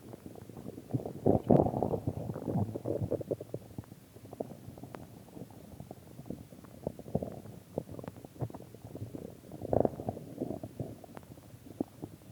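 Continuous irregular gurgles and low rumbles with louder bursts; ordinary stomach growling, a normal digestive sound.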